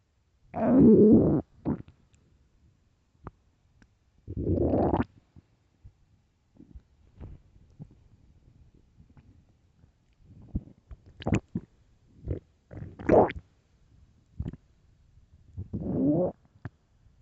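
Loud, low gurgling stomach growls in several bursts with quiet gaps; ordinary bowel sounds of a rumbling stomach.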